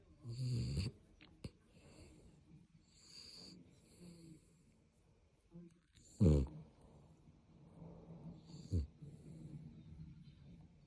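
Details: Chihuahua snoring: quiet rhythmic sleep snoring with soft snorts and a few louder rattling breaths.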